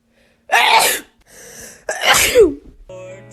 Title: TikTok Sneezing 23